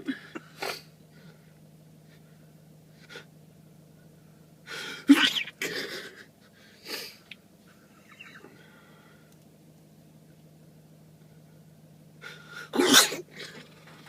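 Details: Person with Tourette syndrome: several sharp, sudden sneezes in quick bursts with quiet gaps; tic-like repeated sneezing.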